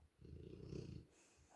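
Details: Rottweiler asleep on a sofa, snoring: one short, low rattling snore on an in-breath, with faint room noise.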